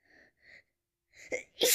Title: Allergic To Flower (sneezing)